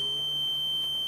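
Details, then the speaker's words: Philips Respironics oxygen concentrator power-off alarm: steady high-pitched electronic tone, with both lights coming on when the unit is off. "so when both when it's off both of them will come on yeah this is what it's going to sound like when it's off"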